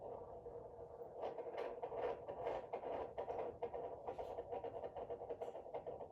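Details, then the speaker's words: A pregnant woman's fetal heartbeat is picked up by a phone Doppler app placed on her belly: rapid, regular whooshing pulses at about 133 per minute. "so that's like the doppler sound so let's see"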